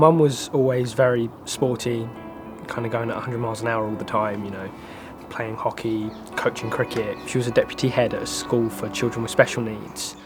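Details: Adult male speaker; normal speech.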